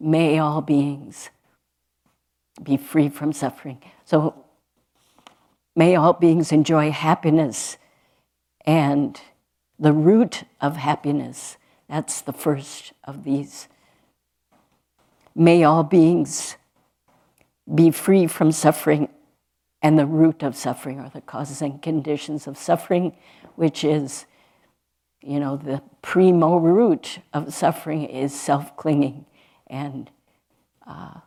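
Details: Adult woman speaking; normal speech.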